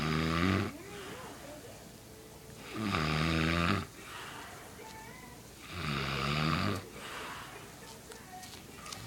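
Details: Snoring while passed out in the living room: loud, low, fluttering snores on each inhalation, about 20 breaths a minute, with softer exhalations between.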